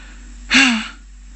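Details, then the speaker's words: Simulated sneeze by the puppet Grover: a single acted, voiced sneeze burst in a lesson on covering the nose and mouth when sneezing, not a real sneeze. "Like that when you when you Oh, it's covering your nose and mouth when you Sneeze."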